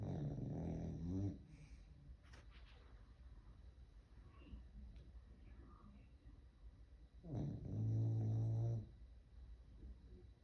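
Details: Two loud, low, rattling snores several seconds apart, with quiet breathing between, from a sleeping dog; ordinary snoring.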